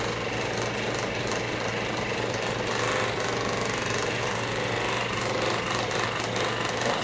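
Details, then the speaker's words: Chiropractic session for an adult with cerebral palsy and tight back and shoulders: steady, rapid buzzing and thumping of a percussive massage gun running continuously against the body to relax muscles. "all right we're gonna start with the massage gun first just relax everything as much as we can"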